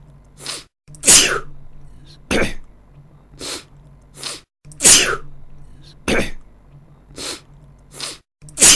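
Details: Man sneezing, sound-effect recording: about ten sharp, hissing bursts of air in quick succession, some stronger and longer than others, with silence between them.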